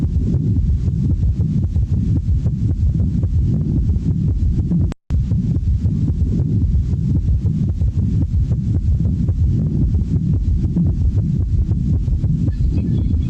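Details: Teaching recording of a third heart sound (S3) heard after the second heart sound, marking the rapid ventricular filling phase, physiological in some cases and pathological in others; rapid, muffled heartbeat about 110/min with an extra low sound after S2.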